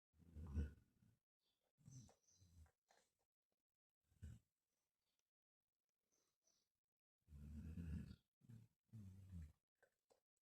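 Low, rough grunting breath noises in bursts with pauses between, sounding like snoring during sleep.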